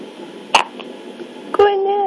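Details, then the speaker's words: Hiccups in a sleepy infant girl, recorded at home while a parent talks to her. "you got the hiccups little girl you got the hiccups"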